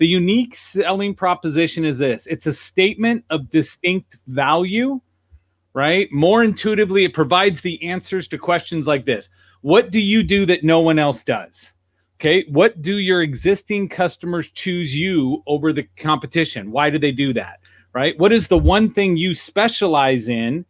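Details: Adult male speaker; typical speech.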